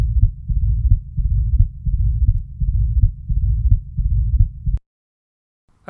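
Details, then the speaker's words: Mitral stenosis on a Thinklabs digital stethoscope: low-pitched heartbeat at about 87 per minute with a loud first heart sound, then the second sound followed by a low rumbling murmur between beats. "so did you catch that firt that loud first heart sound and then that second heart sound followed by that durer rumbling murmur"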